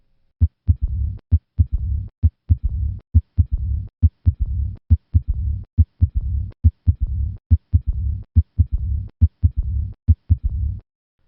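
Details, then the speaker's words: Austin Flint murmur in aortic regurgitation: regular heartbeat near 69 a minute with a low-pitched rumbling diastolic murmur opening with a third heart sound, unlike the opening snap of mitral stenosis. "An Austin-Flint murmur is low-pitched and begins with a third heart sound."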